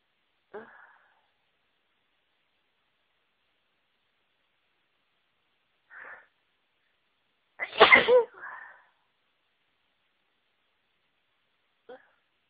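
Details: Several short sniffs and inhalations, then one loud full sneeze in a quiet room; allergic sneezing after being around a flower that always triggers sneezing.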